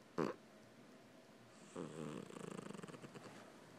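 A short snort, then a fluttering, rattling snore on a breath, in a quiet room.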